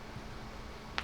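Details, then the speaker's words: A single sharp click from an adult's shoulder joint popping against quiet room noise; joint crepitus. "um oh God you hear that my shoulder popping anyway"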